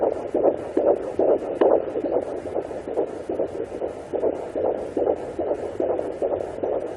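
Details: Fetal heartbeat at 18 weeks 4 days of pregnancy, baby girl, on a Sonoline B pocket fetal Doppler: rapid, regular whooshing pulses at about 143 beats a minute.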